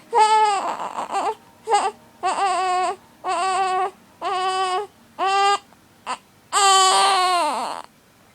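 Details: 6-week-old baby boy with hiccups, crying in repeated wails of about a second each with brief breaths between; infant cry.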